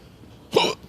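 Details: Single abrupt voiced hiccup with sharp onset and quick cutoff over quiet outdoor background; person with ongoing hiccups, hiccups (singultus).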